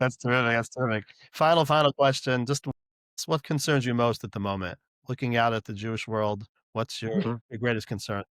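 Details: Adult male interviewer; Normal adult speech.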